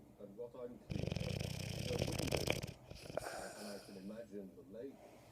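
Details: Snoring while lying on the person recording: one loud, rough, rattling snore on a single breath, followed by softer breathing noises; snoring.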